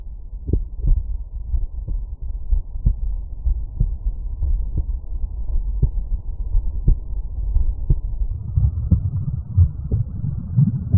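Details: Normal heart sounds at Erb's point.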